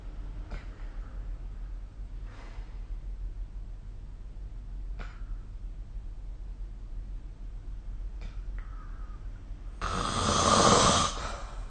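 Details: Sleep snoring: brief, irregular snorting breath noises over a steady room hum, ending in one louder, harsher snort.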